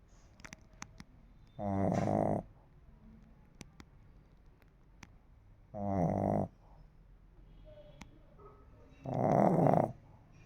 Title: snoring lhasa apso...